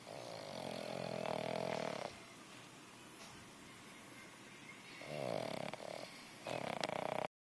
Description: Our puppy Turk fast asleep snoring louder than a man does